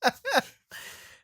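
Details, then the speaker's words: Person with hiccups after taking a drink: two abrupt, voiced gulping catches in quick succession, then a soft breathy exhale; hiccup. "Here, take a drink. That's what did it to me. I have hiccups now."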